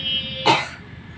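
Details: A single short cough over a steady tone and background noise from a child who has a cough and fever, recorded while the child is being massaged.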